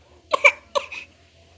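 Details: Young child giving a few short, forced, exaggerated coughs with a crying, sobbing quality; an acted, simulated cough.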